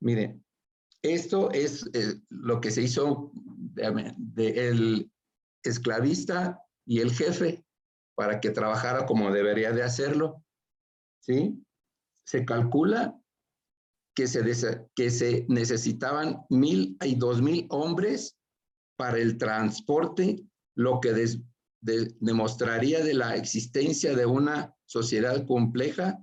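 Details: Adult male with aphasia after a stroke (acquired brain injury), presenting in Spanish in an aphasia workshop; aphasia.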